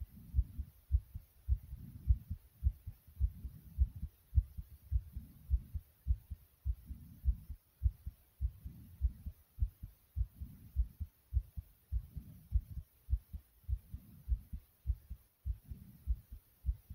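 Strong, regular low heartbeat thumps at about 100 a minute, with soft breathing rising and falling underneath.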